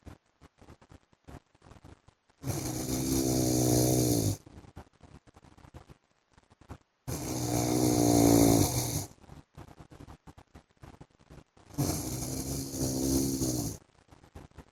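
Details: Loud, rattling snores from a sleeping adult man (husband), three on breathing in, about two seconds each, with quiet breathing between: snoring during sleep.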